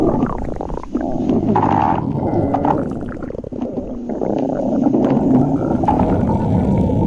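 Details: Loud, long gurgling and rumbling stomach growling that changes in pitch: ordinary borborygmi from gas and fluid moving through the gut.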